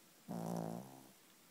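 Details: Female dog snoring, sprawled on the bed at night, tired after an afternoon bath: one short, deep, fluttering snore fading out after about half a second.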